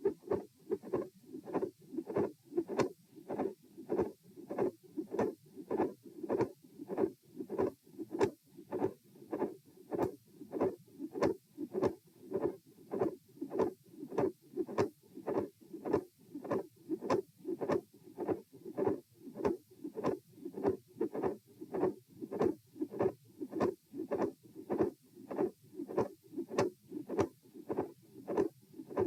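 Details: Regular, fairly fast heartbeat at auscultation position E, recorded through a posture sequence of lying, sitting, standing, then lying again, with a midsystolic click, midsystolic murmur and split S2.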